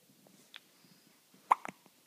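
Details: Five-day-old baby boy with hiccups: one sharp hiccup, then a couple of softer catches in a quiet room.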